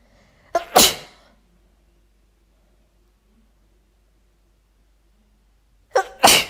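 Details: A woman, recorded four years ago, deliberately induces sneezing with chhinkni sneezing powder: two forceful sneezes about five seconds apart, each with a quick in-breath.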